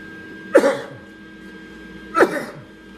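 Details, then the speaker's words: Two short, harsh coughs about one and a half seconds apart over steady hum, from an adult with a chronic cough due to respiratory issues, while welding with fumes and smoke present. "but if you hear me go off it's unfortunately it's you'll hear it a lot i have a chronic cough because of the respiratory issues"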